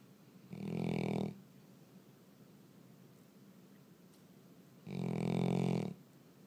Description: Dog snores louder than car horn